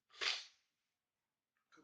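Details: Sneezing in a person with a sneezing problem attributed to allergy, who reports daily levocetirizine tablets to prevent it: a single sharp, hissing sneeze burst, then a faint sound after a pause.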